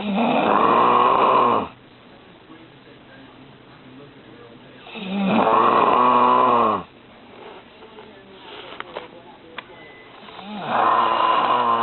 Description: snoring!